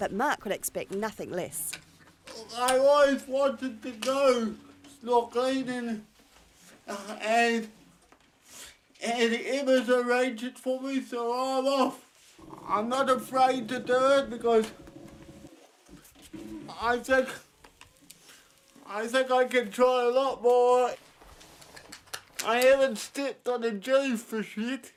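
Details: Dysarthria from cerebral palsy present since birth in a 32-year-old man dependent on 24-hour care; a caregiver says it worsens when he is tired.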